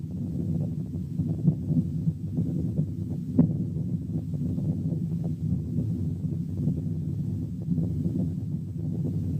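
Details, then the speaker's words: Venous hum heard over the neck: a continuous low humming murmur without pauses between beats, which pressing the root of the neck with one finger abolishes. "سبب تاني للcontinuous murmurs هو الفينوس هام اللي بتتسمع على الرقبة."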